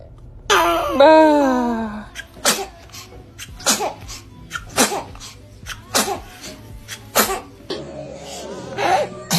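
An infant gives a brief vocal sound, then a run of about five quick, sharp sneezes.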